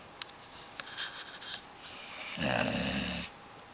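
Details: Woman snoring: a single rough, vibrating snore on an in-breath, after a few soft rustles and clicks in a quiet room.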